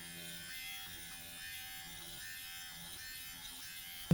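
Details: Dr. Pen electric microneedling pen at its slowest speed, run across the user's own facial skin at home: a steady low electric buzz with faint room noise.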